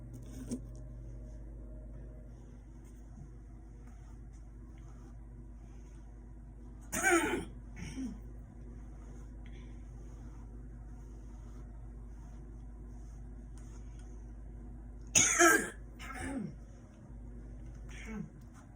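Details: Two brief harsh throat-clearing bursts with small follow-up sounds over steady room hum, before going to the gym.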